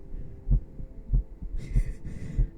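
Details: Low regular heartbeat thumps, about 95 beats a minute, with brief rustling over it, in an ASMR livestream with ear massage; heartbeat.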